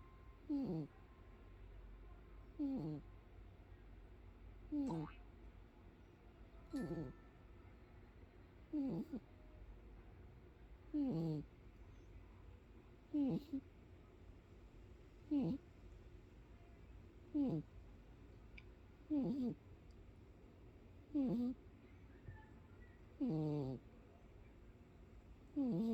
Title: umi the cat snoring